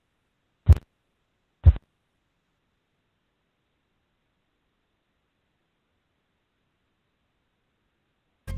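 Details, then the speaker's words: Blood pressure auscultation teaching clip of Korotkoff sounds: phase III crisp, louder taps, phase IV the same sounds losing strength and fading (diastolic in children and pregnant women), phase V silence (diastolic in adults). "En el cuarto ruido es el mismo que en el tercer ruido, solo que comienza a descender la fuerza, o sea, que el ruido es menos fuerte. Este ruido que se va desvaneciendo nos indica la presión arterial diastólica en niños y mujeres embarazadas."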